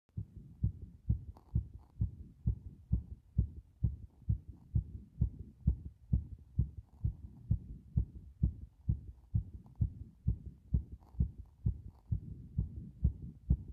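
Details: Heart sounds recorded by pressing against the chest after a bath: steady, regular low heartbeat thumps through the chest wall; normal heart sounds.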